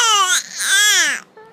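Two loud, high-pitched infant cry bursts followed by a brief softer voiced sound; an ordinary infant cry.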